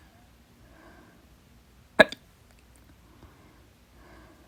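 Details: Stubborn fast hiccups blamed on too much salsa, lasting 30 minutes late at night; holding the breath failed until the fourth try: one sharp, loud hiccup with soft breathing before and after.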